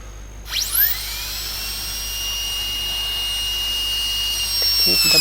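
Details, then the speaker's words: Dental drill spinning up and whining steadily while cutting a secondary flare on the buccal wall of the proximal box, after the palatal wall, during inlay cavity preparation. "I have given a secondary flare on one wall in the proximal box, that is the palatal wall in the box. Now I have to give a secondary flare in the buccal wall."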